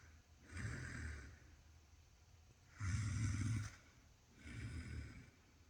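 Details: Three low, rumbling snoring breaths with quiet pauses between, captured on camera: ordinary sleep snoring.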